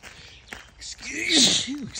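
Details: Person walking outdoors in the woods during a repeated sneezing bout: a sharp breathy intake, then a hissing burst of a single sneeze, with faint outdoor noise and footsteps: sneeze.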